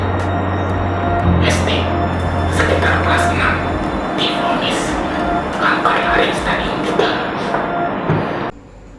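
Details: Laryngeal cancer patient after partial or total laryngectomy, speaking with an electrolarynx voice aid for voice rehabilitation; electrolarynx speech after laryngectomy.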